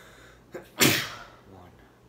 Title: Sneezing Challenge!! 3/10